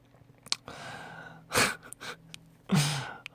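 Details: Small sneezes from a young man (K-pop singer) during a broadcast: quick in-breaths followed by two short, sharp bursts of air through the nose and mouth.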